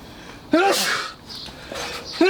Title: Summer is Here and I Can't Stop Sneezing